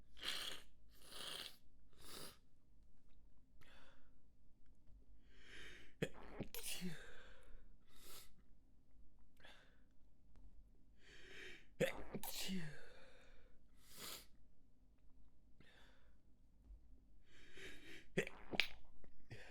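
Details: A manually induced nasal tickle brings a sneezing fit: the early sneezes are muffled and stifled, then louder rapid sneezes follow with quick breaths between.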